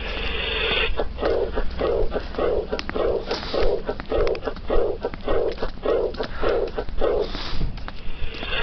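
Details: Mitral stenosis: there is a low-pitched, rumbling diastolic murmur with an early diastolic opening snap.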